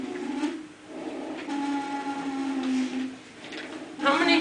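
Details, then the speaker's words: Recorded example of wheezing played in an asthma presentation: noisy breathing with drawn-out musical whistling tones through much of each breath. "And here's another wheezing."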